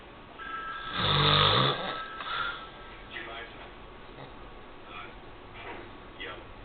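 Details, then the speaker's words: Sleeping person recorded snoring: one loud, rattling snore on an in-breath, followed by quieter breathing noises in a small room. Snoring. "You're recording me snoring, aren't you? Oh yeah."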